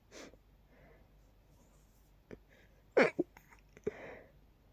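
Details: Quiet breaths, then a few short night-time sneezes from a nose tickle, deliberately stifled to stay as quiet as possible in a quiet room; suppressed sneezing.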